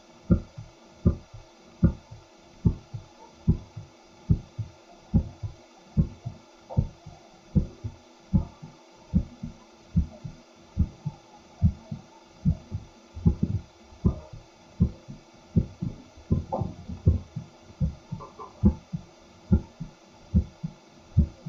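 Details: Stethoscope mic recording of an adult man's heartbeat with simultaneous ECG: steady low thumping, about 73 beats a minute, faint background hum; normal heart sounds.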